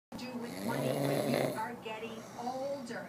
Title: My friend's dad snores!